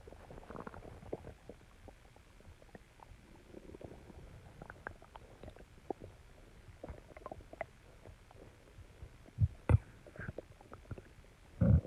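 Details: Low, irregular gurgles and rumbles with a few louder bursts. Recorded after exercising and calming down, alongside heartbeat and heavy breathing recordings: ordinary stomach growling (borborygmi).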